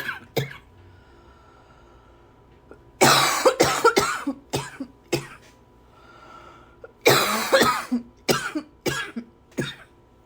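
Two clusters of harsh, repeated coughs with a few single coughs and throat clearing between them in a quiet room.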